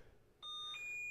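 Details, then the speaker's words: Electrosurgical unit return electrode monitoring alarm during a high-limit test of a single solid pad, resistance raised slowly toward 20–25 ohms, alarming around 21 ohms: sudden steady electronic beeping. "if there was resistance for some reason it does go off at around 20 ohms so what you're supposed to do is slowly bring this up to 20 25 ohms it should alarm around 21."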